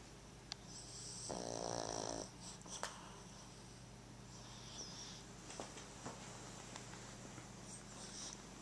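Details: Snoring in a sleeping poodle: one clear buzzing snore followed by softer breathing noises over steady room hum.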